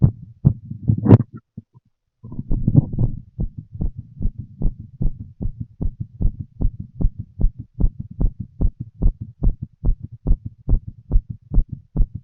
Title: Full female heart auscultation while smoking a cigarette 🚬